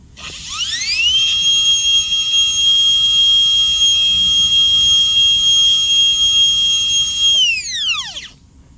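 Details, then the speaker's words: High-speed dental drill with 330 bur on a mandibular second premolar, Class II MO amalgam cavity preparation, cutting a large proximal box: whine rising quickly to a steady tone for about six seconds, then winding down. "So about the reason of doing this is for me to make a large enough proximal box with burr as much as I can, and don't spend extra time using enamel hatchet. So now I'm gonna use the burr all the way."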